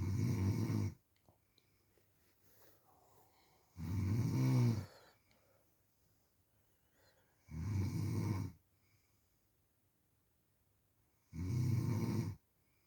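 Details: Loud, rhythmic rumbling snores on each breath in, about 16 per minute, with quiet pauses between; ordinary heavy snoring.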